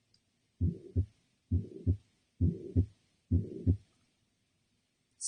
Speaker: it's different from a murmur that is occurs as a systolic ejection where it's you know occurring between s1 and s2 and it is just sounds less harsh after that s1 and s2